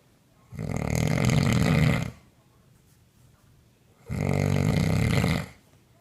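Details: Young woman asleep, recorded on a mobile phone by her partner; two loud, rough, low rattling snores about 3.5 seconds apart, each over a second long, with quiet pauses between: heavy snoring.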